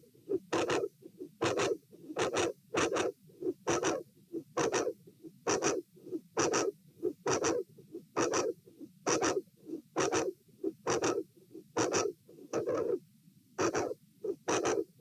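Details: Heart sounds at the aortic area (position A), patient sitting, with a dilated aortic root: paired sounds at about 68 a minute with uneven spacing, an irregular rhythm with premature atrial and ventricular contractions.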